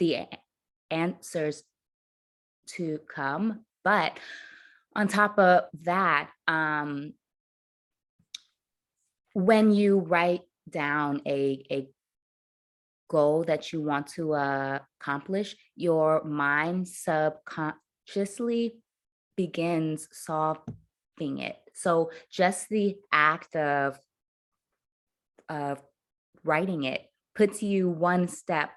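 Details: Adult woman who stutters, her stutter having worsened under caregiving stress to near unintelligibility; stuttering.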